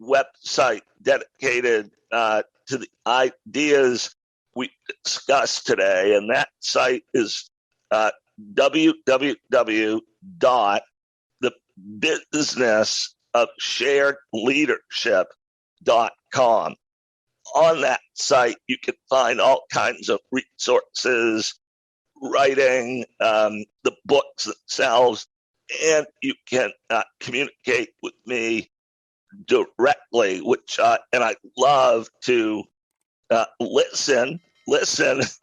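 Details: Adult male with a rare neurological voice disorder acquired in 2012 that made speaking difficult; partial voice loss over a roughly 10-year course, now speaking without pain though still audibly affected: spasmodic dysphonia.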